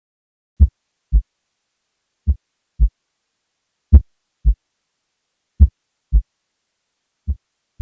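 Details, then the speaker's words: Heart sounds from a patient in complete heart block with AV dissociation: a slow, regular heartbeat near 36 a minute whose first sound varies in loudness from beat to beat. "this can be caused by AV dissociation where a variable relationship between LV and La pressures leads to variable speeds of mitro valve closure here is a recording from a patient in complete heart block and it's associated AB"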